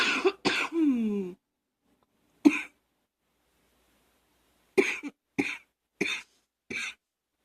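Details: Coughing person with allergies: several short, dry coughs, first in a quick cluster, then single coughs about a second apart, with one throat-clear; cough.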